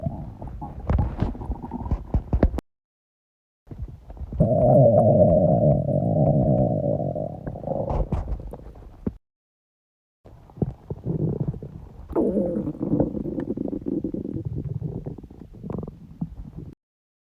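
Long, low gurgling and groaning rumbles in several bursts: loud stomach rumbling, typical of an empty stomach after fasting.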